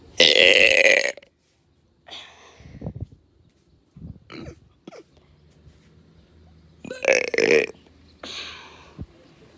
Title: Burping in my neighborhood 1